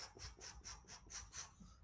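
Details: Harsh rasping to-and-fro murmur in rapid back-and-forth bursts with each beat in a newborn with tetralogy-of-Fallot-type anatomy, echo showing rudimentary pulmonary valve remnants with stenosis and regurgitation: absent pulmonary valve syndrome.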